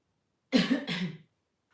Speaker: sorry my cough is so annoying I've been warned about this sorry my fruit is I've got um laryngitis